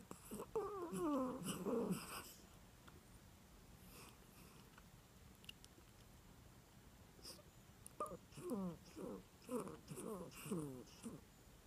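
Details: 3½-year-old rescued Dorkie (dachshund–Yorkie mix) dog sleeping with one eye open, also making dream noises: soft, rhythmic whistling, squeaky, wheezy breaths in bursts with quiet gaps; sleep snoring.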